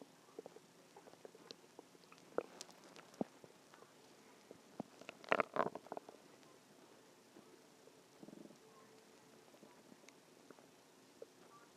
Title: stomach growling 1